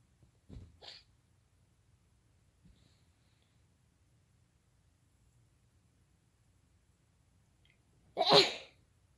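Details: Sneezing in bed, with tissues and a handkerchief at hand: a soft breathy burst, then one sharp, explosive sneeze after a quiet pause in a still room.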